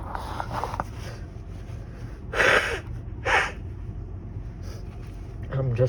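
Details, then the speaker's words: Person with a cold and stuffy nose, deliberately inducing sneezes and trying to stifle them: two sharp, muffled bursts of air through a closed mouth and nose, with sniffles between; stifled sneezes. "These are so strong, they're hard to stifle. I'm better at stifling my natural sneezes."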